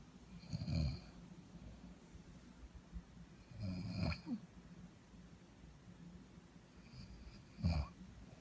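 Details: Snoring from a working woman: three low, rough snoring breaths over several seconds against steady room hiss; ordinary sleep snoring.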